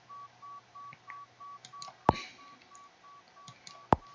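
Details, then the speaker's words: Pure-tone hearing test app with headphones on a phone: short beeping test tones at a steady pitch with a couple of loud clicks, stepping down about 5 dB after each response, right ear tested. "像现在可以听得到哔哔哔，就可以按 I can hear， 那就可以，它就会小5分贝左右，再"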